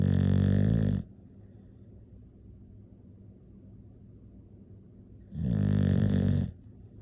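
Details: Snoring.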